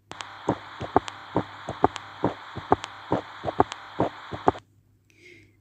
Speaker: This is the sound that you just heard is S3 gallop rhythm or third heart sound.